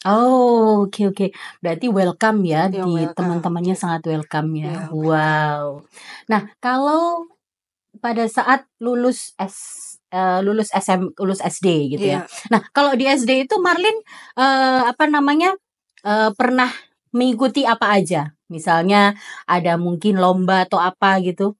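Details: Adult woman speaking Indonesian; normal speech.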